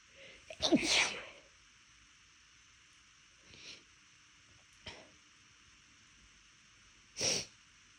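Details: About four sneezes the person tried and failed to hold back: a forceful sneeze, then softer stifled ones, then another sharp sneeze.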